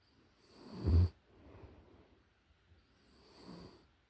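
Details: Close-up recording of a puppy in deep sleep: one soft snore on a breath in, then quieter breathing.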